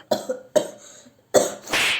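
Three short, sharp coughs from an adult acting in a comedy skit, followed by a brief burst of noise.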